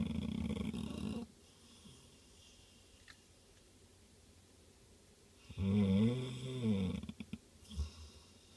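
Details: Two loud rumbling snores separated by a quiet pause, the second with a wavering whistling edge; snoring.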